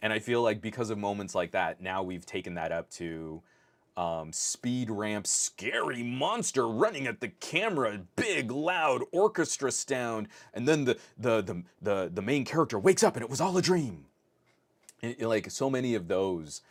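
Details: Adult male podcast host who says his stutter is starting to kick in; stuttering with part-word and word repetitions.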